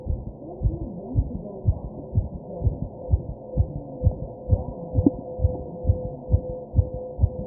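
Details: Tachycardia.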